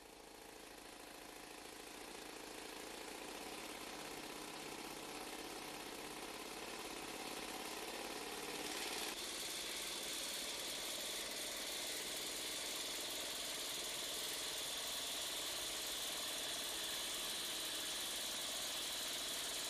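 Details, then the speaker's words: Steady loud hissing, rapidly pulsing air-driven rattle, about 200 pulses a minute, growing louder: an Air Pulse pneumatic driver, connected through a special driving cap to the insertion handle, slowly advancing an unreamed femoral nail (UFN) into the medullary canal. "the ufn is then slowly advanced into the medullary canal with the air pulse"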